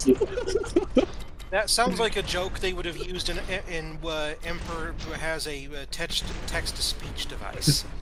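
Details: Adult male speaker; typical speech.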